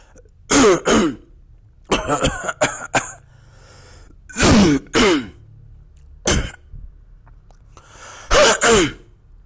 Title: How To Cough